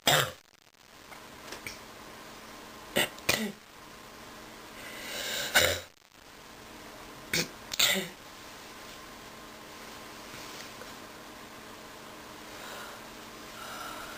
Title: Sick cough pt 1